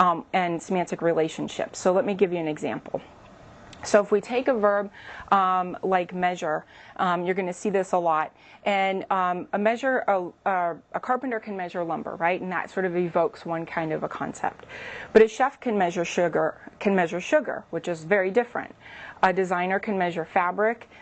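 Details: Adult woman speaking; typical speech.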